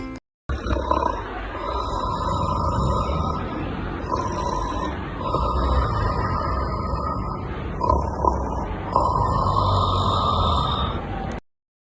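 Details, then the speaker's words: Simulated snoring in a teaching demonstration: low, rough grunting breaths over background music, showing upper airway obstruction by a solid, the tongue base; snoring. "Yang pertama ada suara snoring. Mendengkur atau snoring berasal dari sumbatan pangkal lidah. Suaranya seperti ngorok. Kondisi ini menandakan adanya kebuntuhan jala napas bagian atas oleh benda padat."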